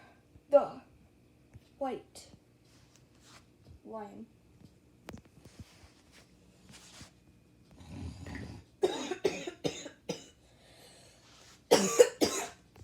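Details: Adult coughing with a kitten nearby: two short bouts of several coughs each, after a few brief voiced sounds.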